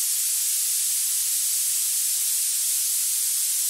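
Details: Generated pink-noise narrow band centred near 9000 Hz, heard as a steady high-pitched hiss, used as an audiometric tool to match tinnitus pitch.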